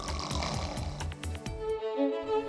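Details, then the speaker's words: Low, rattling, fluttering snores for under two seconds from a sleeping adult, then background music takes over; snoring. "os peões que dividem o mesmo quarto T sofrido com ronco que já virou piada"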